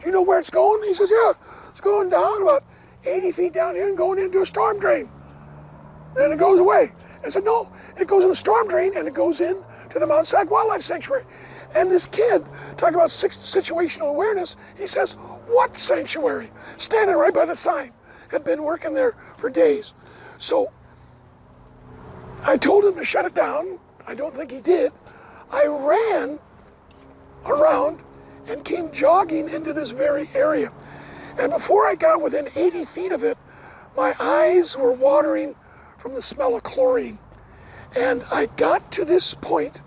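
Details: Adult male never-smoker with two bouts of vocal cord cancer, probably from secondhand smoke; one third of the vocal cords removed in 2008, leaving a raspy voice; dysphonia after partial vocal cord resection.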